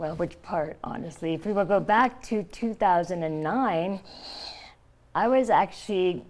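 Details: Adult woman, stage 4 epiglottis cancer (2009) treated with surgery, chemotherapy and radiation; tracheostomy after scar-tissue airway closure, thumb-occluded stoma; partial glossectomy for tongue cancer; no teeth or saliva glands; tracheostomy speech with articulation changes.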